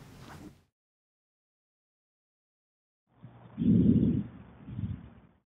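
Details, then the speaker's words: Normal breath sounds auscultated with a stethoscope over the back of an OSCE examination subject, arms folded, breathing in and out through the mouth: soft, low rushing breath without crackles or wheeze. "james i'm now going to listen to your back if you could just keep your arms folded and breathe in and out through your mouth for me"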